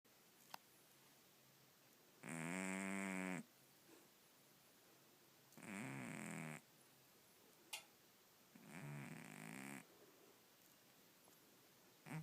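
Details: Female cat with loud snoring; owner wonders about sleep apnea. Three buzzing, rattly snores on the in-breath, about 20 breaths a minute, with quiet pauses between.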